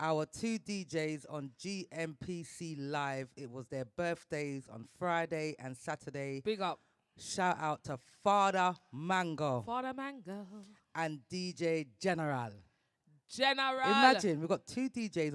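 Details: Adult speaker; normal voice.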